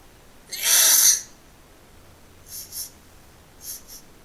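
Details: Wet sneezes: one strong hissing sneeze burst, then two pairs of softer, short sneeze-like snorts, forming a sneezing episode.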